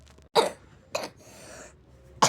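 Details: Simulated cough: a child playing sick gives three short, harsh cough bursts with a breathy sniff between; acted coughing, with another child claiming a cold (pilek).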